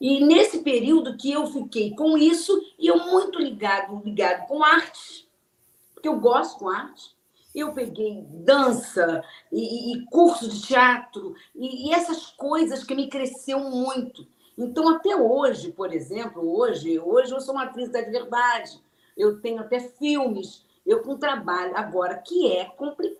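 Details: Adult woman with aphasia as a sequela of a stroke suffered 12 years earlier; post-stroke aphasia.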